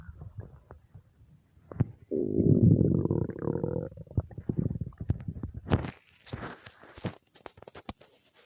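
Long gurgling, bubbling stomach rumble followed by scattered pops and gurgles, ordinary bowel sounds.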